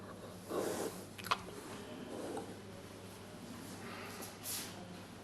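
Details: Hiccups in an almost 3-month-old giant panda cub at a zoo: a few brief, soft snorting bursts and one sharp click over low room hum.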